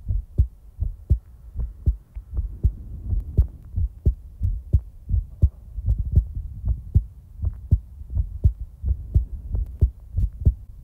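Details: Real-time heartbeat recording: soft low thumps in steady paired beats at about 70 to 80 a minute under a faint hum; a normal heartbeat.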